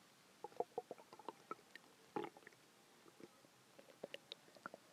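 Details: Quiet gurgling and bubbling clicks with a brief louder rumbling burst from the belly, recorded as a big one was felt coming: hungry stomach growling (borborygmi).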